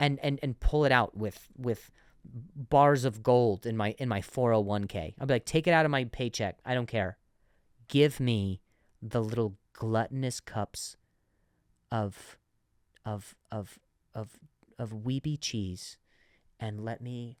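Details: Adult male comedian who stuttered and still sometimes stutters, speaking on his own podcast; stuttering.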